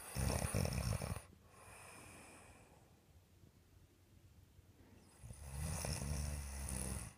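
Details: Two loud, rough snoring breaths separated by a long quiet pause, with a low rumbling vibration on each breath; snoring.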